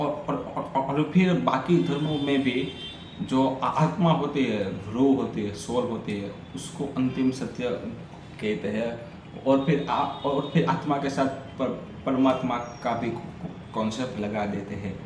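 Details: Adult man with a stammer doing story-telling practice in Hindi on day 6 of a daily practice routine of breathing, vowel, tongue and lip exercises and tongue twisters; stammering.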